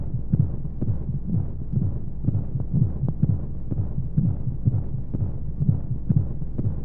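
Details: Baby sleep aid womb sound: steady muffled low heartbeat thumps at a regular rate with a constant whooshing white-noise hum, as heard from inside the womb.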